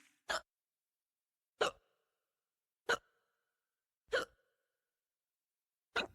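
Five short, sharp hiccup sounds in quiet, roughly every second and a quarter, about 47 a minute; ordinary hiccups.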